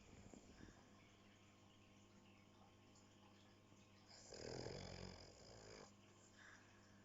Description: Filmed as she slept (and snored)